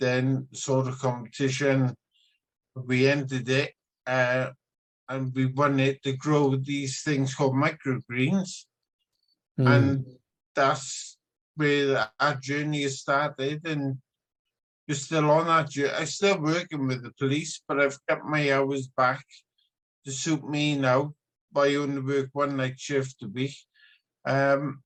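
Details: Man with ataxic dysarthria due to genetically diagnosed spinocerebellar ataxia type 14, which his brother also has.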